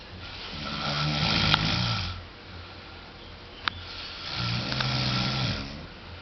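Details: Snoring during sleep: two long, rattling snores about four seconds apart, each with a harsh fluttering noise on the in-breath, over quiet room noise.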